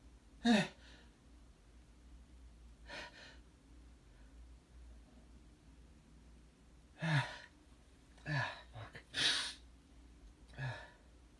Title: A few wet hitchy horny morning sneezes (male)